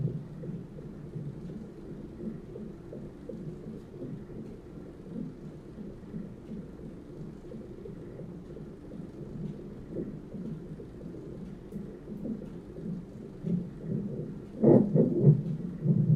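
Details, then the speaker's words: At 29 weeks of pregnancy, during hospital monitoring for contractions: muffled rhythmic whooshing of the fetal heartbeat on the fetal heart monitor, with a louder thump from fetal movement. "they put the contraction monitor and then they put the monitor that you hear the baby's heartbeat"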